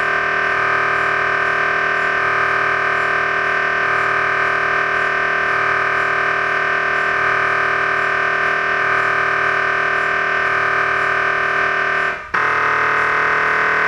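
Loud, steady electronic droning with rapid rhythmic pulsing, about three pulses a second, and a brief break near the end: an MRI scanner running a sequence.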